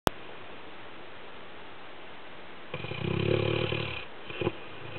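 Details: Sleeping Labrador dog snoring: a single rough, rattling snore of about a second on the in-breath after quiet, then a short snort.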